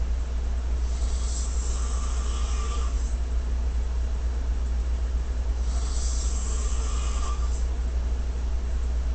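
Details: Streamer slumped asleep on stream after drinking liquor, snoring: two slow, breathy snoring breaths about four seconds apart over a steady low hum.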